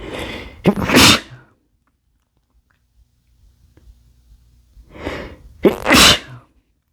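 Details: Male sneezing: two full sneezes, each a quick indrawn breath then a loud explosive burst, separated by a few seconds of quiet; ordinary sneezing.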